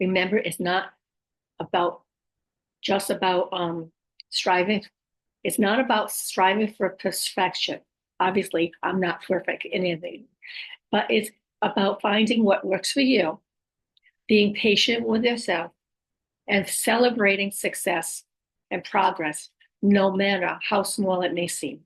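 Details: Adult woman with aphasia, apraxia of speech and dysarthria after a stroke about 5.5 years earlier; she says her speech can sometimes be hard to understand.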